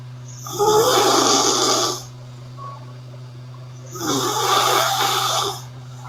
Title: Sleeping Girl Loud Snoring (ARS) Part 1